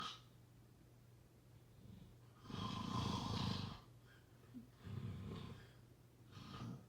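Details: Snoring during sleep: rough, rattling snores on breathing in, with quieter breaths between, in a quiet room.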